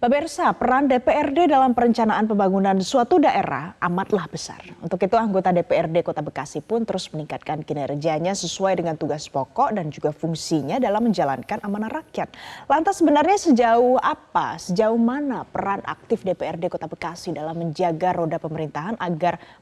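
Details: Adult female speaker; normal voice.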